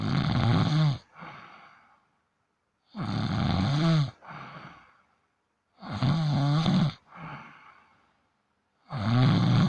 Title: My cat ia snoring